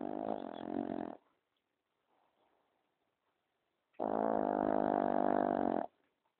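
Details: Affenpinscher dog snoring at night, around 12:10: two long, buzzing, honk-like snores separated by a few seconds of near silence.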